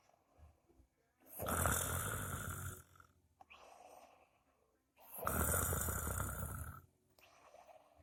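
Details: Two loud, rough, rumbling snores on inhalation, each about a second and a half, separated by quieter breathing, from a sleeping person; ordinary snoring.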